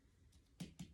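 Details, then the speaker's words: Two short, flat finger taps with little ringing or echo in a quiet room: a dull percussion note at the lower liver edge during an abdominal exam, traced upward to estimate liver size. "becomes more dull and sound so that would be the edge lower edge of the liver and we can move up following that dull sound to write about their changes so that would give us an indication of an approximate idea of the size of that liver"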